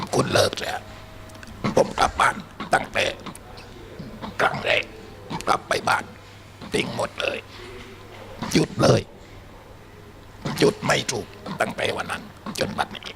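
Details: Adult male former smoker, smoking since youth, who lost his larynx to laryngeal cancer around age 50. Alaryngeal (esophageal) speech after laryngectomy.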